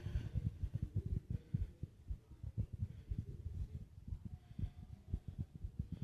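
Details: Fast heartbeat with heavy breathing: rapid low thudding at roughly 120 beats a minute, somewhat uneven, with faint breathing noise in the background.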